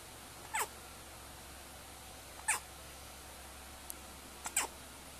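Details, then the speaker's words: Hiccups: faint, sharp, brief hiccup sounds, about four in five seconds, some in quick pairs, over steady room hum. "with the hiccups."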